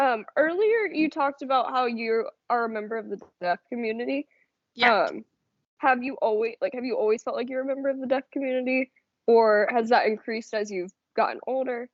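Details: Adult woman speaking; ordinary speech.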